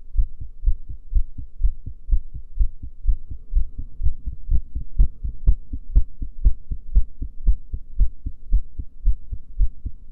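Regular, strong low thumps at about 125 a minute, a fast but normal heartbeat recorded while the breath is held.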